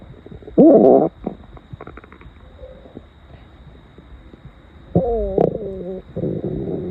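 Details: Loud hunger stomach growling at 7 am after over 20 hours without food, audible without a microphone: loud gurgling, squeaky, bubbling rumbles; normal bowel sounds.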